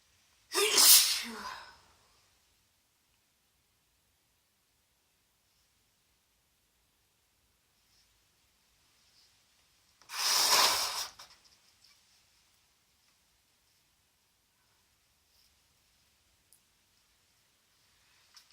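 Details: Woman on day 2 of a congested head cold, sneezy after a bath meant to loosen congestion: two forceful, hissing sneezes about nine seconds apart, separated by silence.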